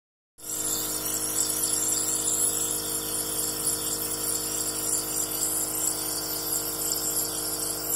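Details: Dog receiving nebulizer treatment: steady compressor motor hum with a constant high hiss from the running nebulizer.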